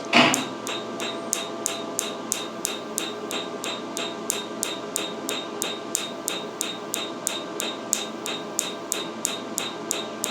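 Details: Pico Wave picosecond laser tattoo removal at a patient's first session: steady sharp snapping clicks, about three per second, over a low machine hum; laser pulses shattering tattoo ink.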